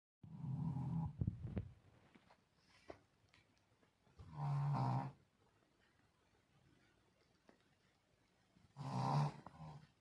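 Low, rumbling snorts recur about every four seconds, roughly 14 breaths a minute, with quiet between: a dog snoring in sleep.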